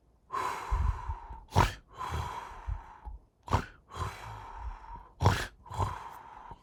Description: Continuing with my work in depicting the body in this animation, a reclining purple spirit snores as they sleep in a reclining chair.